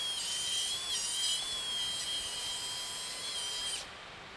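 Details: Cadaver demonstration of a Draf III (outside-inside technique) frontal sinus approach: a steady high-pitched powered drill whine lasting several seconds, then stopping, as the drill cuts bone into the frontal sinus during endoscopic sinus surgery.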